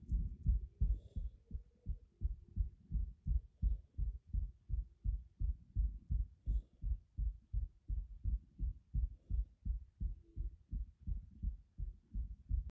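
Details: Rapid heartbeat at about 190 bpm, old 2019 recording; very fast, regular low heart thumps, tachycardia.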